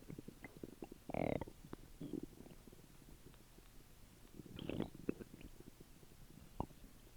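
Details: Old recording of stomach rumbling after dinner: gurgling, bubbly rumbles in irregular bursts with quiet stretches between; ordinary bowel sounds after a meal.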